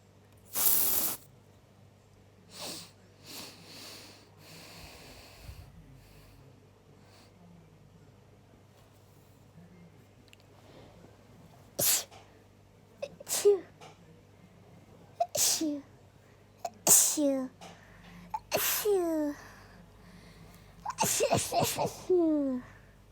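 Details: An induced sneeze attack in an adult: about seven sneezes in quick succession, each sharp and explosive with a voiced trailing exhale. Sneezing fit.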